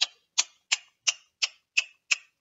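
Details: Adult with self-described Tourette-like tics, including coprolalia, that vary by day and setting; vocal tic of clicking on the right side of the mouth.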